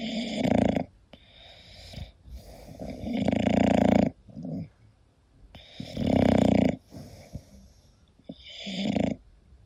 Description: hii, it's Koda, my english bulldog sleeping and snoring, this relaxing video and sound is for everyone and obv for bulldog lovers!